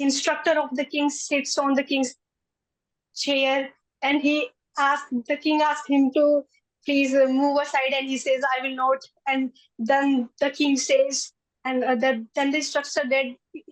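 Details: A 20-year-old woman who stammers and says she stammers more in public than with family; stammering.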